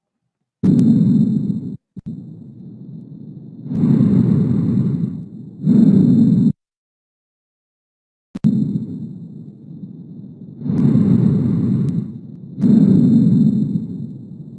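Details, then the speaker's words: Stethoscope at the second intercostal space: repeated soft, rushing breath sounds of intermediate intensity and pitch with a pause between cycles, normal bronchovesicular breath sounds. "Cuál es el detalle de la respiración Bronco vesicular notaste de que el volumen descendió un poco el volumen está con una intensidad y tono intermedio"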